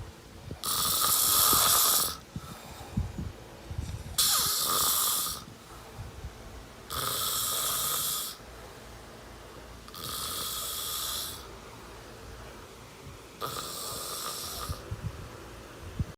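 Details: Loud, harsh, rasping snores during sleep, five in all at about 19 a minute, with quiet pauses between.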